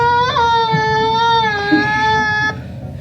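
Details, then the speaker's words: Simulated patient scream from an electronic nursing training mannequin in a university nursing lab (which can also cough and moan as if in pain): a sustained, high-pitched, tonal scream mimicking acute distress. "She can cough. She can moan as though she's in pain."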